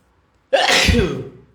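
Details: Male sneeze: a single loud, explosive sneeze bursts out of silence and fades over about a second.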